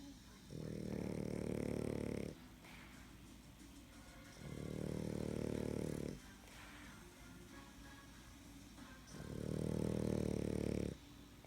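Loud, long rumbling snores in the sleeping dog, about 1.5 to 2 seconds each, three over eleven seconds, with quiet breaths between.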